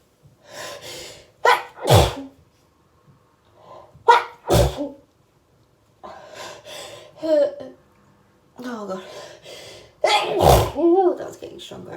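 A run of about four forceful sneezes, each with a sharp indrawn breath before the explosive burst, fitting a hay fever sneezing fit.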